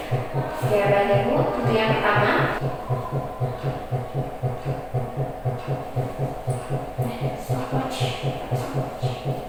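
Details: Obstetric examination skills demonstration: fetal heart sounds heard on the left side and counted over three 5-second readings; rapid, steady soft thumping of a normal fetal heartbeat.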